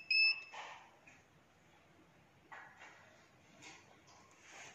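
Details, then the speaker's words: Brief high electronic beep then quiet room noise and soft handling as an MTV-1000 ICU/portable touch-screen ventilator is powered on by long-pressing the on button: ventilator start-up alarm tone. "अभी इनका जो on करने का process है, ये on button है, press करेंगे। ये ऑन बटन को लॉन्ग प्रेस करेंगे"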